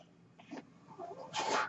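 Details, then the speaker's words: Mechanical ventilator noise heard while the ventilated user begins speaking: soft faint puffs giving way to a loud rushing hiss of air near the end as the machine delivers a breath. "My name is. That noise you're hearing is my ventilator, and welcome to Page Turners They Were Not, my Star Wars podcast."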